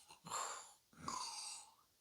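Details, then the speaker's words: Imitated snoring demonstrating the typical snoring sounds a child may make, in the context of childhood sleep-disordered breathing and obstructive sleep apnoea. "so the typical sounds that your child might make are the usual snoring"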